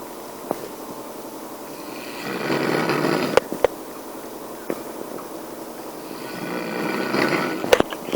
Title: Snoring ( Indian Kharrata )